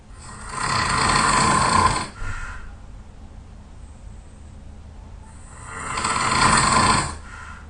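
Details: Two long, loud, harsh snores about five seconds apart from a very tired sleeper, with quiet breathing between; loud snoring.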